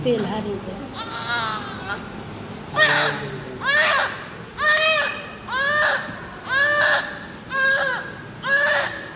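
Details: Newborn crying during cleaning of the eyes, ears and hair: rhythmic crying, about one cry a second, each a rising then falling wail, with adult voices briefly at the start.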